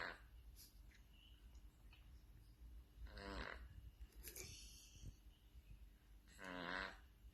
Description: Like humans, cats may snore if they have a stuffy nose.